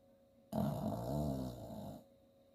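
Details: 8-year-old female Chihuahua–Jack Russell terrier mix, sleeping and dreaming: a single low, rumbling, drawn-out breath sound; snoring.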